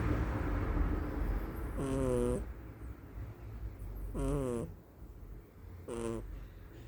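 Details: Low rumbling breathing with three short squeaky whistling tones every couple of seconds from a sleeping cat; snoring.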